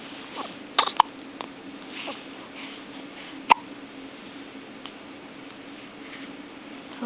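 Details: Newborn baby with frequent hiccups, described as normal: two or three short, sharp hiccup clicks a few seconds apart over steady room hiss.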